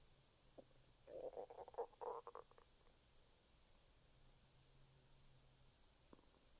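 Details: Human stomach rumbling after eating six very thin assortment-platter cookies: a brief burst of gurgling, bubbling rumbles; bowel sounds (borborygmi).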